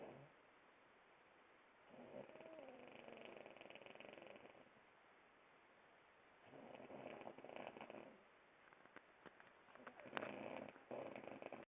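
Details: Light snoring: soft, fluttering snores in slow breaths, each lasting a few seconds, with a steady background hiss.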